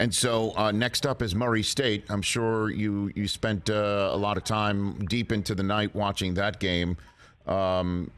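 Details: Adult male speaker; Normal speech.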